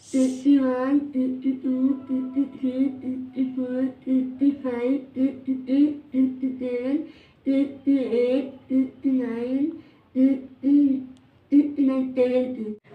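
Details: Sample of a child with cleft lip and palate, though children vary a lot; cleft palate speech with hypernasality, nasal air emission and misarticulation.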